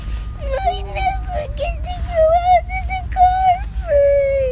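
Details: Young child in a car crying: a sustained wailing cry with rising and falling pitch over steady road noise; ordinary upset crying.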